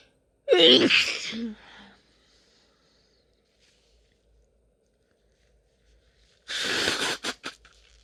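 Two sneezes, each a sharp gasp-like intake followed by an explosive burst, several seconds apart, in a quiet room.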